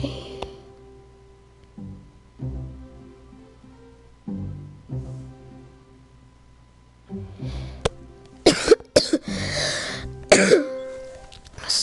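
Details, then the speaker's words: Child with a really bad cough gives about four sharp, harsh coughs in quick succession near the end, over soft instrumental music during a gaming recording. "if you can hear the cough got really bad cough"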